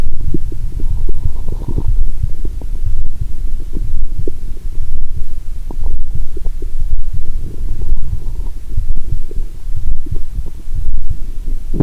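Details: Steady low rumbling with brief higher gurgles through a stethoscope on the abdomen while lying down after drinking cola with Mentos, plus faint regular thumps about once a second: bowel sounds.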